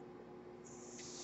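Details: Mechanical ventilator airflow heard behind a podcaster who notes the noise is his own ventilator: a soft steady hiss over a low room hum, rising in pitch and strength partway through as a breath is delivered.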